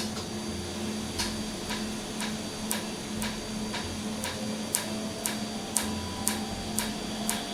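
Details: Laser tattoo removal after numbing; treated ink frosts over on each hit, cooling air applied, red ink to be treated separately: sharp, regular clicking snaps about two a second over faint machine hum.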